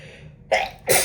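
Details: Quick intake of breath then two sharp, explosive sneezes, induced with a tissue by someone with a cold and possible allergies, very stuffed up, sneezy all day, dry windy air, pollen suspected.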